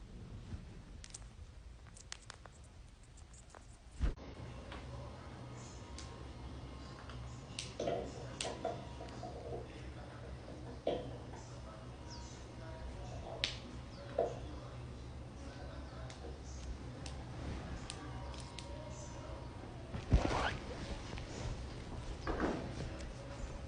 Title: cracking joints